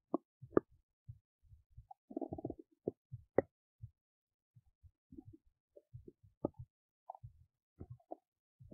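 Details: Big belly noises while digesting oats: scattered soft gurgles, pops and brief squeaks at irregular intervals from an adult belly, ordinary digestive bowel sounds.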